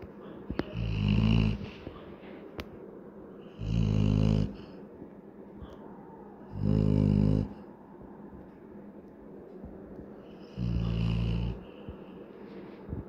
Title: funny adult labrador dog snoring while sleeping , 🤣🤣🤣😪😪😪